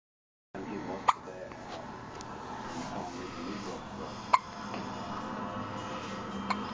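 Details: One-week-old newborn with hiccups: three short, sharp hiccup clicks at irregular spacing over steady background noise and faint music.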